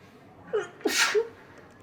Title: wet sneezing 5 (Sample, 4K Quality)